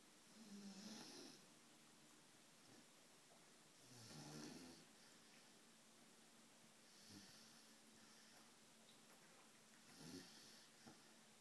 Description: English Mastiff Puppy Snoring as Chihuahua tries to sleep next to him.